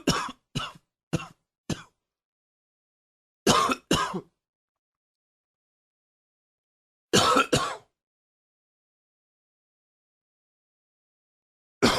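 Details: Coughing triggered by a throat tickle: a quick run of four light throat-clearing coughs, then two harder paired coughs, two more, and one last cough after a pause.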